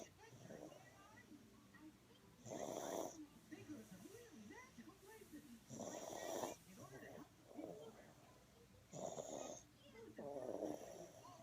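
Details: Sick baby girl with a bad cough, asleep on someone's chest: repeated noisy, rattling breaths roughly every three seconds with background chatter; snoring, likely from nasal congestion.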